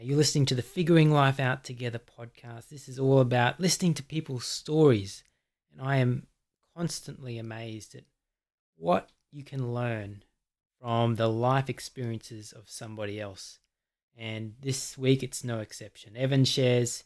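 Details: Adult male speaker; typical speech.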